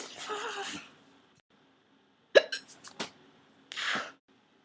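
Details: A few abrupt, catching hiccup sounds between short voiced sounds, with quiet gaps; hiccups, which she then thinks are gone.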